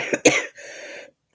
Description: I am struggling with a bad cold, cough and chest infection so tonight might be a very short live